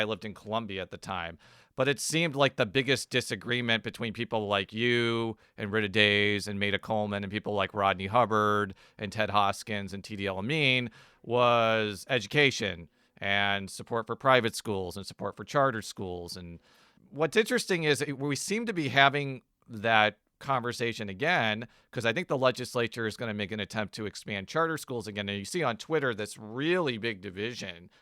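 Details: Adult speaker, likely male; Normal conversational speech.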